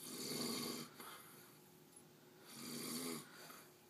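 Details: Man who says he doesn't snore, recorded by his partner at bedtime through a closed door; two drawn-out, droning snores a few seconds apart with a quiet pause between, in a small room.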